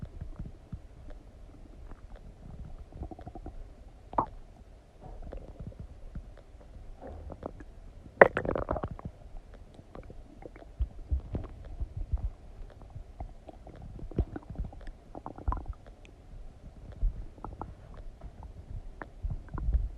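Irregular low gurgles and rumbles with occasional louder squelches; ordinary digestive bowel sounds after eating.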